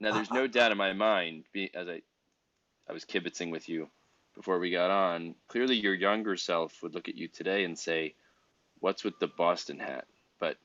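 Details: Adult man; Typical speech.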